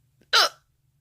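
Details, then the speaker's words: A single short, abrupt hiccup with a quick voiced catch, during one of at least eight hiccup bouts in a day in a person with multiple sclerosis who suspects the hiccups are MS-related. "had the hiccups the whole time but this is the third or fourth time today that I've had the hiccups not my favorite"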